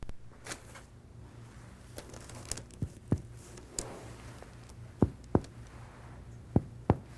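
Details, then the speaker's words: Healthy patient lying supine, breathing normally: anterior chest percussed downward from resonant lung to liver dullness to find the level of the right diaphragm; a resonant percussion note over the lung. "if you want to check the level of the right diaphragm anteriorly percuss from resonant lung downward to liver dullness"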